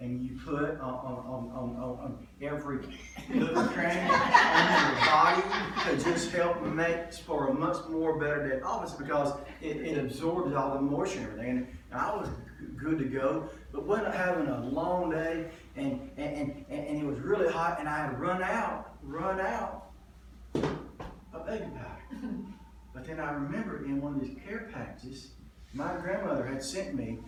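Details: Adult man with lifelong stuttering, which he says was pretty bad in one story: stuttering.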